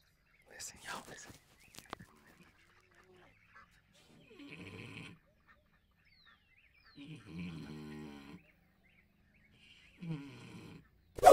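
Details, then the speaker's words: Gus, a Kune Kune pig on a farm, snoring loudly at feeding time. "you can hear Gus snoring oh my gracious all over the farm"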